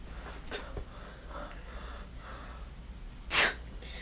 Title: Prepare to Sneeze